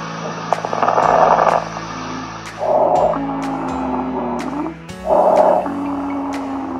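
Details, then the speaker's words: High-fidelity simulation mannequin, pulmonary auscultation examples of abnormal breath sounds: three noisy breath sounds over background music, simulated. "vous pouvez également procédé à l'auscultation pulmonaire et entendre des bruits normaux ou anormaux voilà quelques exemples de bruits anormaux"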